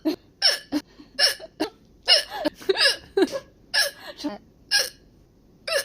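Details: Young Chinese girl with hiccups: repeated sharp, high-pitched hiccup sounds, about ten in six seconds, irregularly spaced.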